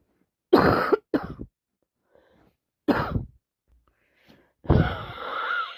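Four harsh, loud coughs, some in quick pairs, with a throat-clearing quality; coughing from a worsening common cold.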